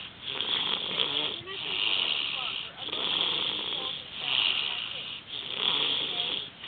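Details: Snoring from a sleeping young boy, a nephew worn out after a day at the lake: regular rasping snores on each breath, steady and rhythmic at about eleven breaths a minute.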